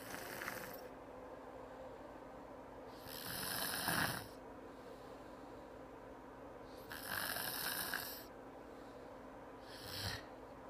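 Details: Harsh, rattling snores on each breath during sleep, about 18 a minute, with quiet pauses between; typical snoring.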